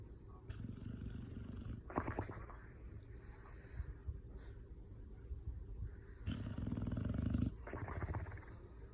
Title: Red Nose Pit Bull Snoring (Hilarious)